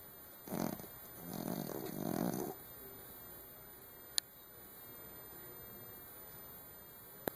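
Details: Male Chihuahua Pom dog sleeping in the dark, described as a hardcore snorer: a short snort, then a longer rough, rattling snore on one breath, followed by quiet room noise.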